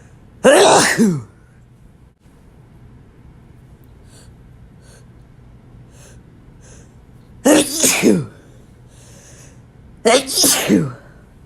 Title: 100+ Sneezes Compilation